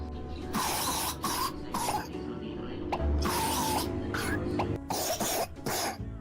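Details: Child's cough, in a short play scene about a fever and cold: about six short, harsh, noisy cough bursts in quick succession over soft background music.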